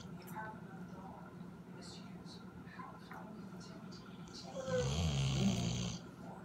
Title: Zeke snore/begs for food